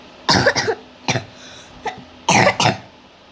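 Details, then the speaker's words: Girl holding the phone coughing: several short, harsh cough bursts, including quick double coughs, in a quiet room. "ઉધરસનો અવાજ સાંભળો છોકરીને ઉતરોસ થઈ ને phone પકડવા વાળી છોકરી છે"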